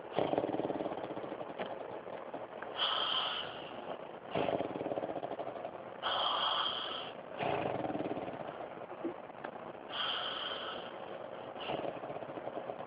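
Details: Loud, rough, regular snoring with harsh snorting on each breath in, roughly five breaths a minute, over steady room noise; a man sleeping.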